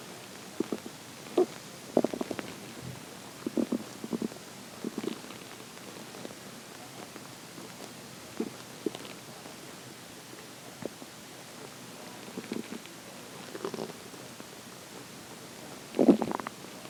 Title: morning stomach growling